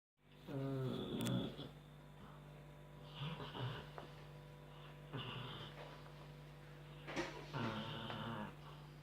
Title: Snoring dog wakes up surprised